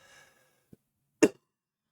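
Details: Cough from an adult recovering from a recent fever, now 24 hours fever-free without medication and still having some symptoms.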